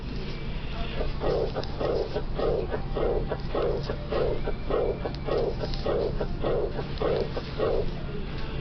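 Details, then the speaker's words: Regular heartbeat, about 100 a minute, with a soft blowing diastolic decrescendo murmur after each beat, in a teaching audio example diagnosed as aortic regurgitation. "Hopefully, the timing of this murmur sounds different than the previous two examples. That's because this is a diastolic murmur. Its shape, decrescendo."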